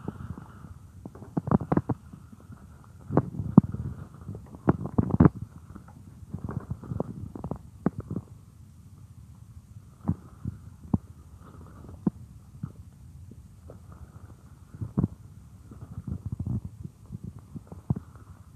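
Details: A woman's own stomach, heard as if lying on her belly while she works at a computer: frequent gurgles, clicks and bubbling rumbles with short quiet gaps. Ordinary stomach growling (borborygmi).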